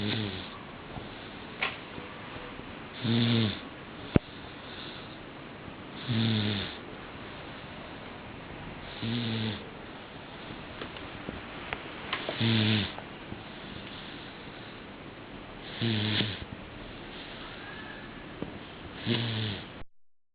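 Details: Snoring: regular rattling snores on each breath, roughly one every three seconds, about 19 a minute, in a quiet room.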